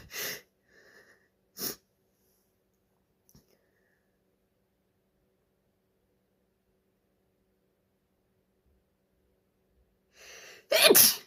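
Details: Female with suspected allergies/hay fever: a few shaky, aborted sneeze starts and sharp intakes, then a loud full sneeze at the end; sneezing.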